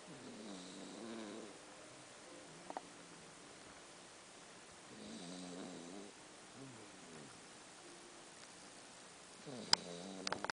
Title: SNORING PUPPY